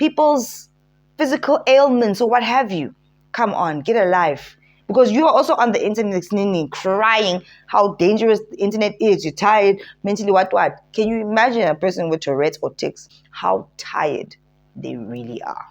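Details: Adult woman speaking; normal speech.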